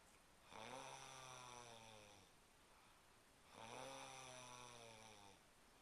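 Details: Person caught snoring again during sleep: two long, loud, vibrating snores about three seconds apart, each nearly two seconds, in a quiet room; ordinary snoring.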